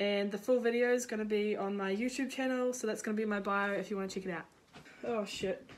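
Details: Female creator with Tourette syndrome talking while cooking; vocal tics including sudden swearing (Tourette syndrome).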